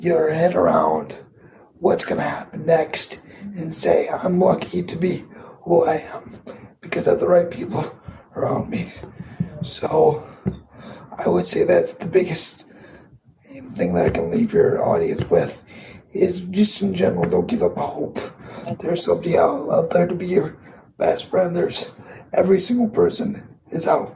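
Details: 22-year-old man with cerebral palsy affecting his muscles, tighter muscles making talking more difficult, audible in his voice; dysarthria (cerebral palsy).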